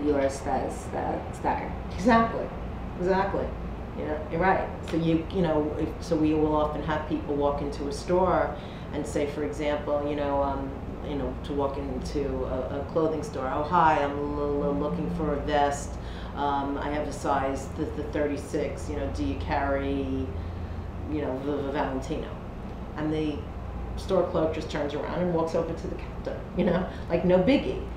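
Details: Adult; ordinary speech.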